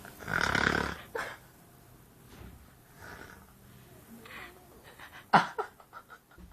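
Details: Simulated snoring, a person imitating someone else's snore: one loud, harsh snore, then softer breaths and short snorting sounds in a quiet room.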